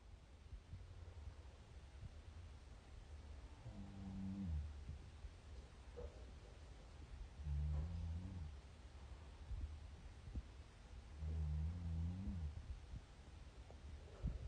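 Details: Low, rumbling snores about four seconds apart, roughly 15 breaths a minute, recorded during sleep by a girlfriend; snoring.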